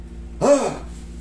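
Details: Single sharp voiced intake of breath, a brief gasp, over quiet room hum during a manual alignment (hilot) session for a painful shoulder.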